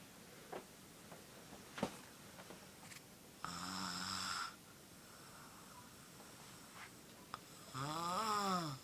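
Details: Snoring during sleep in the morning: two loud, buzzing snores on the in-breaths, about 14 breaths a minute, with quiet room noise between them.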